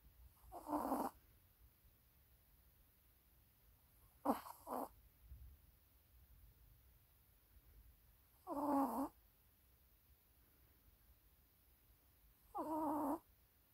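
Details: Sleeping Maltese puppy: short, snuffly snores in four bursts spaced several seconds apart with quiet pauses between; dog snoring.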